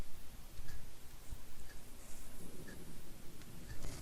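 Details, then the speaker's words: Stomach growling (borborygmi) in a hungry adult who skipped breakfast. "was my stomach growling i apologize if you could hear that"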